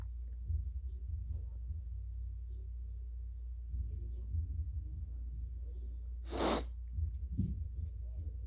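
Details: Deliberately stifled sneeze by a male after using Chhinkni to trigger sneezing: quiet breathing, then one brief muffled burst of air through a held-back nose and mouth.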